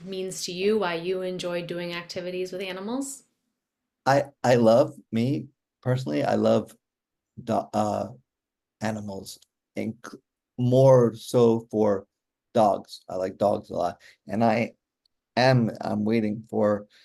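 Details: Real adult male stroke survivor with aphasia since a stroke during surgery for hereditary mitral valve prolapse in 2007, recorded in 2024; he still finds communicating hard; aphasia.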